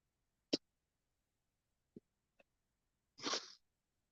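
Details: One short, breathy cough after a few faint clicks in a quiet room.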